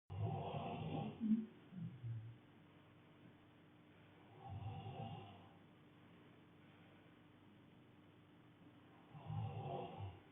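Three slow, rough, rattling snores about four to five seconds apart, with quiet pauses between them.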